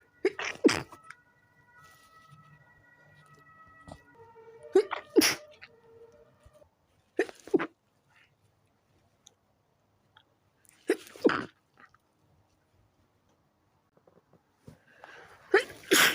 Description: With every sneeze it got stronger, so i needed to let them out.